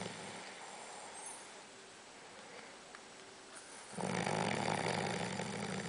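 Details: Partner's snoring, loud enough to drive the other to sleep on the couch: soft rhythmic snuffling breaths over room noise, growing louder and rougher near the end.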